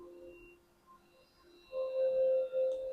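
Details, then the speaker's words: An Ethicon harmonic scalpel generator, checked in date and plugged in, switches on by thumb press before a reusable autoclaved handpiece is attached, giving a steady electronic tone that shows it is working. "You can hear the noise meaning it is working."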